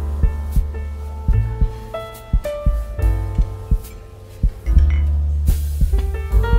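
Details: A slow, quiet heartbeat sound effect of soft low thumps, about 57 beats a minute, mixed under gentle piano relaxation music meant for sleep and meditation.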